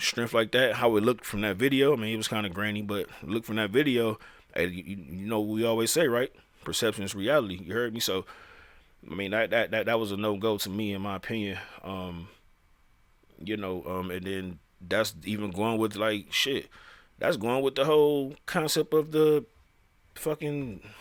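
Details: Male speaker who says he stutters, speaking with repeated phrases; stuttering.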